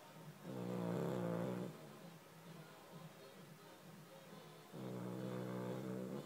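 Low, buzzing snores from a sleeping dog, one loud snore, then softer breathing noise, then another loud snore.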